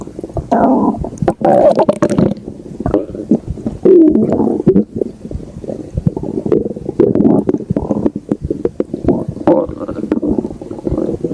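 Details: An adult's stomach with continuous low gurgling and bubbling rumbles and wet pops; ordinary stomach growling (borborygmi).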